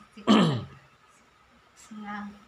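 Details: Woman burping loudly and repeatedly during a massage with oil, linked by the speakers to trapped wind ('masuk angin') and stomach discomfort: a single loud, low voiced belch, then a softer one after a pause.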